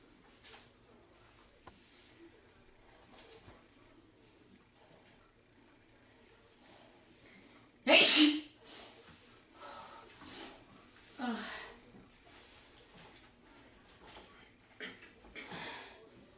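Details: Girl sneezing: one loud, sharp sneeze burst in a quiet room, followed by a few softer breaths and small sounds; sneeze.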